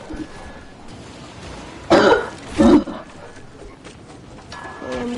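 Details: Two short, harsh cough bursts from an adult during a gaming stream, over a quiet room background with faint tones; cough.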